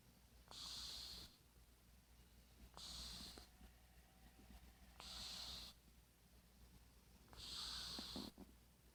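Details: Cat snoring while asleep: four soft, hissing breath sounds about two seconds apart, roughly 26 a minute, with faint snorty clicks.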